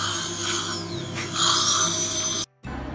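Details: Dental drill reducing the height of a too-high implant abutment to gain interarch space in a female patient, who reported no pain: high-pitched whine that changes pitch under load.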